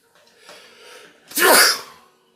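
A quick indrawn breath followed by one loud, explosive, hissing burst: a single forceful sneeze.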